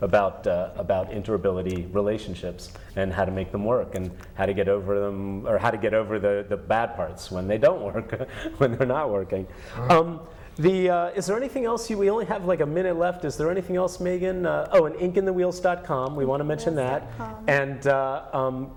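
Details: Adult man speaking; ordinary speech.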